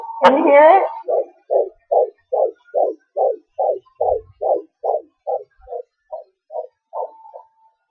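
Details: Home fetal Doppler at 18 weeks 4 days of pregnancy, recorded on a laptop: fast, regular whooshing fetal heartbeat about 145 beats a minute, a normal rate; baby moving.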